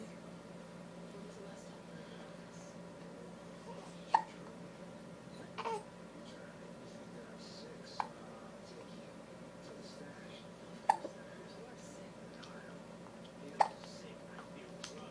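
Five brief, sharp hiccup clicks a few seconds apart in a quiet room with a low steady hum.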